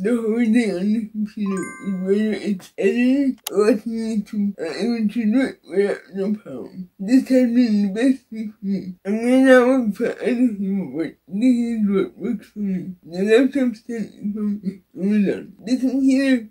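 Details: Dysarthria in an adult woman with cerebral palsy.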